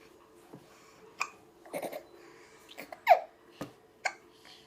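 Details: Hiccups in young twin babies: repeated short, abrupt hiccup sounds mixed with soft babbling and breathing.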